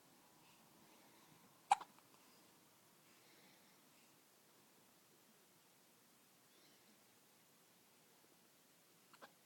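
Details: 2-week-old baby with normal newborn hiccups: two short, sharp hiccups about seven seconds apart in a quiet room; hiccups lasting a long time.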